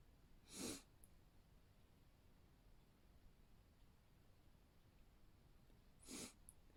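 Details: Deliberately induced sneeze attempts that fail to come out: two short, sharp sneeze-like bursts several seconds apart against a quiet background, near-sneezes that never fully build.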